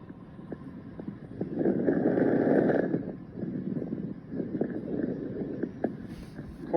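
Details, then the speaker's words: Fine crackles: many brief, sharp, discontinuous high-pitched crackles scattered through inspiration, an abnormal added lung sound. "fine crackles are discontinuous high-pitched short crackling sounds on"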